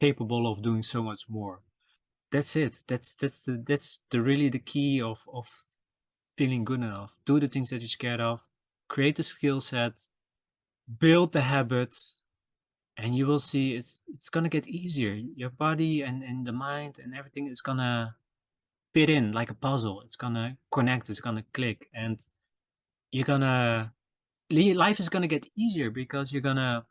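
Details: Self-reported stuttering in a male podcast host, who says his stutter can be heard in his episodes; stuttering.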